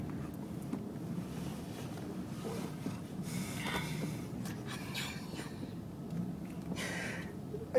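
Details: Snoring during sleep.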